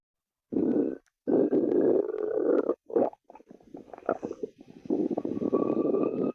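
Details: Loud, long rumbling and gurgling with bubbly breaks in between; ordinary stomach growling (borborygmi) from gas and fluid moving through the gut.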